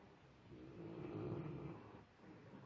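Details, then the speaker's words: Dog (Frank) snoring very oddly with eyes open: a single deep, rough, rumbling snore lasting about a second and a half; snoring. "he's still snoring his eyes are open he's watching me stop doing that scary"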